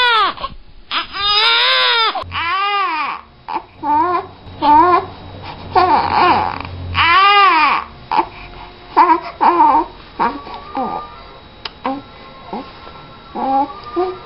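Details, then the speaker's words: Repeated loud, high-pitched wails with short gasping pauses and faint background music from a baby, suffering a very bad bout of colic, crying during a gentle Baby Bowen colic treatment session. "baby was suffering from a very bad bout of colic notice how gentle and effective the moves are and how he reacts to the"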